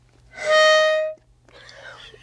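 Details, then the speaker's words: Spacer flow-signal whistle during a metered-dose inhaler demonstration: a steady high whistle under a second, then quiet breath noise, warning that the inhalation was too fast. "So whistling tells you you inhaled too quickly, so slow down."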